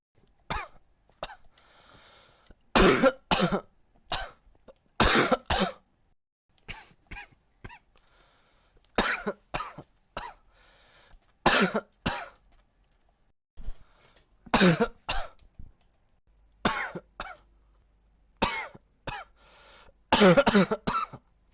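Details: Coughing fit: repeated bursts of harsh coughing in clusters, with brief pauses and faint breaths between bouts.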